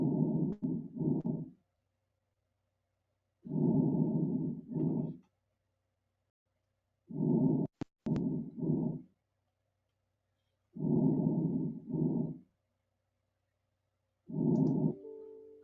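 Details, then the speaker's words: Normal lung sounds heard through a stethoscope in an EMT class demonstration: soft, steady breathing at about 17 breaths a minute, as expected in most patients. "so I'm gonna play the first one which is just normal lung sound so this is what you expect to hear in most patients"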